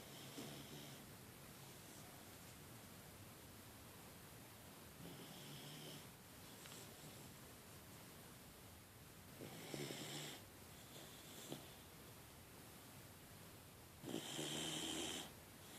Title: Snoring puppy